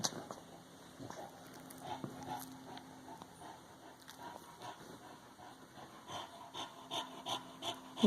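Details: A dog breathing hard with rapid, rhythmic panting puffs growing louder toward the end; labored heavy breathing in a dog whose owner is worried about him.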